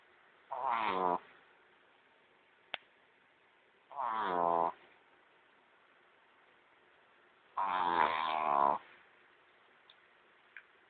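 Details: Sleep-deprived sleeper snoring: three loud rough snores, about one second each, several seconds apart with silence between.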